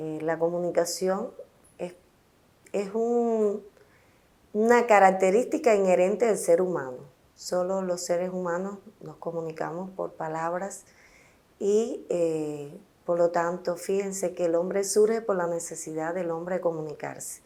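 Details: Adult woman speaking Spanish; normal speech.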